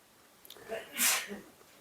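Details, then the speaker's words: Adult with a cold sneezing once: a short catching intake of breath, then a sharp, hissing burst of air, in a quiet room. "Al's having a good sneeze because we've both been down with colds"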